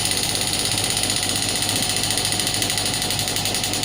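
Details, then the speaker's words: Biotronix pneumatic shockwave therapy device firing on the demonstrator while intensity is raised to 7–8, the most bearable; rapid regular ticking pulses over a steady hissing whir, at a reduced rate. "You can see I'm just increasing the intensity. Now you can increase the filter knob. 7, 8. That's the maximum I can bear."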